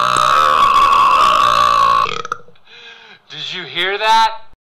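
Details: Burp: one long, loud, rumbling burp lasting about two seconds, followed by brief voiced sounds.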